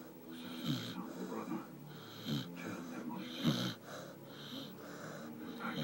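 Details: Snoring from a sleeping puppy lying in the warmth of a wood stove.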